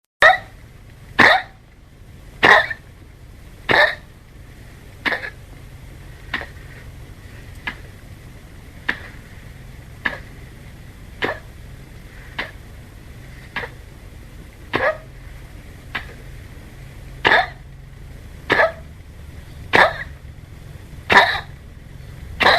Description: This 15 year old Chihuahua has what is commonly called Kennel Cough.